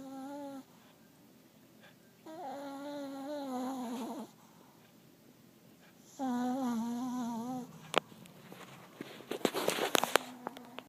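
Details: A dog snoring like an old man, as it does every night, gives two long, buzzing, wavering snores with quiet pauses between them, then scattered snorts and rustling; snoring.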